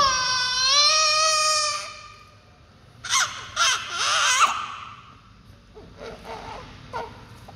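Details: Newborn baby crying: a loud, clear wail followed by shorter fussy cries and whimpers; ordinary newborn crying.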